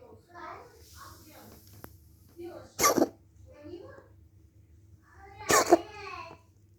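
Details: Dog (Tishka) coughing indoors: two sharp, forceful bursts with quieter snorting and breathy sounds between.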